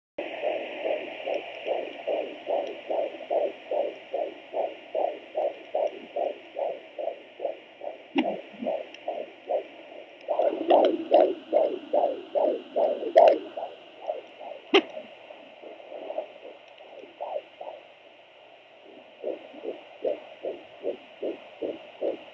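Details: Fetal heartbeat of a male fetus at 19 weeks of pregnancy on a Sonoline B Doppler: rapid, regular whooshing at about 150 beats a minute with a steady background hiss.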